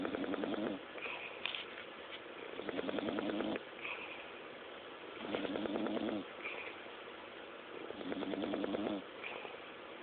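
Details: Sleeping bulldog: loud, rough rattling breaths with each inhale, about four cycles in ten seconds; snoring.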